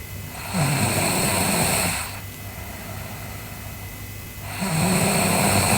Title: Sleeping Girl Snoring (ICDM) Part 2